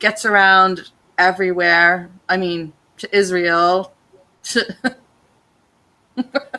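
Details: Adult man with aphasia since a stroke during heart valve surgery in 2007, at first limited to single words, now non-fluent with repetitions and filler words; non-fluent aphasia.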